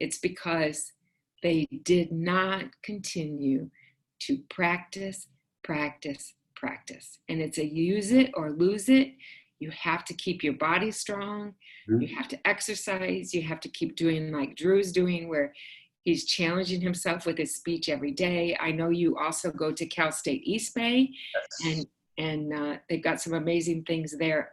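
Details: Adult woman speaking; typical speech.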